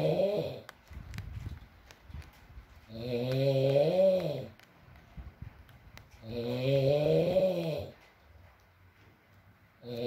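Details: Adult male (boyfriend) snoring while asleep, loud rough buzzing snores on each in-breath about every three to four seconds, with soft rain and quiet room noise between; snoring.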